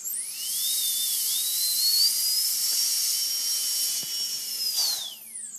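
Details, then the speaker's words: Dental training on a fake model (pre-patient procedure): high-pitched dental handpiece whine spinning up, running steadily, winding down while trimming a ledge on a temporary crown edge; dental bur trimming temporary crown. "I can see a little ledge there so I'm going to actually trim"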